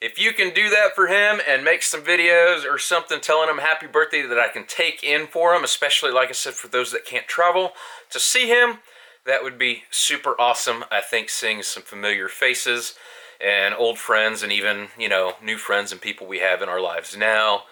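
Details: Adult male speaker; ordinary speech.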